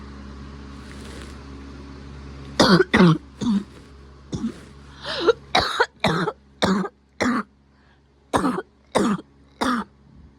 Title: Coughing again